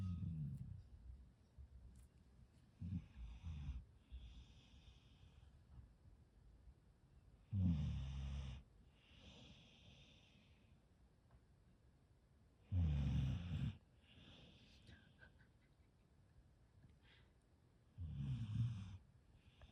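Low, snorting snores from a sleeping dog, with a soft breathy hiss on each exhale, about 11 breaths a minute, irregular.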